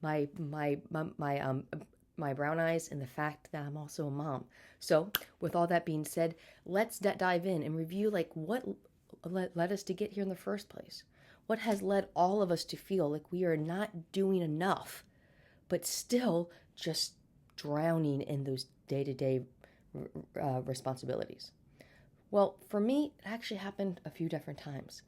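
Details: Stuttering in an adult woman who has stuttered since birth, had speech therapy throughout childhood, and still stutters day to day.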